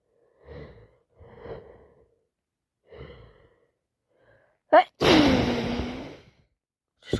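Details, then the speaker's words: Person sneezing and blowing nose for the last hour, unsure whether cold or allergies, nose constantly full: three soft breathy bursts, then a loud explosive wet sneeze with long noisy trailing exhale; repeated sneezing fit. "can't stop. Keeps coming and coming. This has been like the last hour now. Sneezing and blowing and sneezing and blowing."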